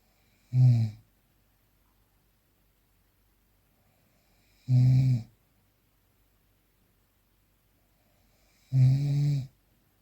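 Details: Unprocessed real recording of a sleeping person: three loud rattling inspiratory snores, about 15 breaths a minute, with quiet pauses; ordinary snoring during sleep.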